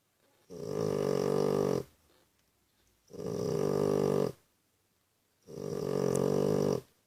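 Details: Three loud, steady buzzing snores, each over a second long, with quiet pauses, from a mother snoring while feeding her babies: rhythmic snoring.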